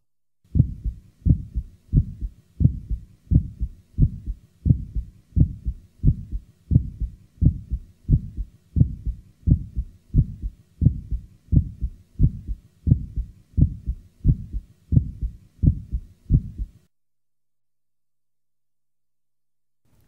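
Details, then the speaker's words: Patient with mild aortic stenosis: regular heartbeat about 85/min with an extra sharp sound just after the first heart sound, an aortic ejection sound. "both aortic and Pulmonary ejection sounds are heard best with the diaphragm firmly pressed listen now to any ejection sound the following example was taken from a patient with mild aortic stenosis"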